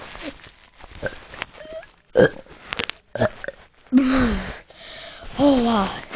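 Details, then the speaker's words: Person trying on purpose to do the biggest burp: short throaty sounds, then a longer, low, drawn-out belch. "hi i'm uh so supposed to um do the biggest burp i've been trying to all morning"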